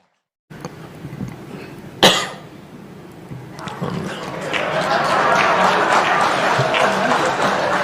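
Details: Jokowi deliberately gives one sharp cough into a podium microphone while joking about thin leaders of old who coughed during speeches; rising crowd noise and laughter follow in a large hall; voluntary cough.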